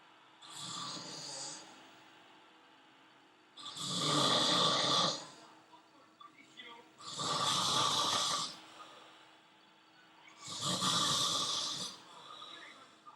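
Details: Adult male hospital patient snoring heavily in a French hospital: loud, harsh rattling snores about every 3.5 seconds, roughly 18 breaths a minute, with quieter breathing between.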